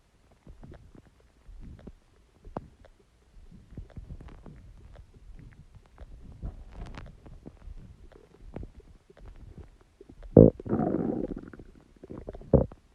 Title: Stomach Growling Sound | My Stomach Makes Noises